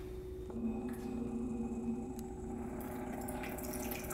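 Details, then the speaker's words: Steady running and splashing water with a faint motor hum: an irrigator gently flushing heavy wax buildup from the ear canal of a patient with reduced hearing, starting at low pressure; ear irrigation. "now this is just going to gently flush the wax out of your ear I'm going to start out slow but depending on how difficult it is to come out we may need to apply a little bit more pressure"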